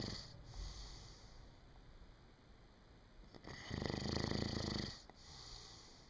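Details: Snoring during sleep: a soft, fluttering snore on one breath with quieter breathing around it, against a steady background hum.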